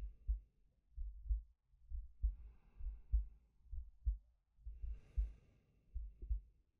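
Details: Steady low heartbeat, about 65 a minute, with soft slow breaths from a male, ASMR sleep-aid recording; normal resting heartbeat with breathing.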